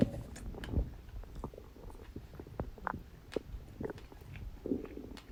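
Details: Stomach growling after eating birthday cake: soft gurgles, squeaks and rumbling bursts of gas and fluid moving in the gut.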